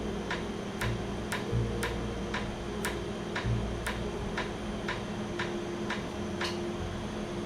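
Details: Laser tattoo removal in a first session, with red ink deferred to a later visit. A pulsed laser fires sharp snapping clicks about every half second over a low hum.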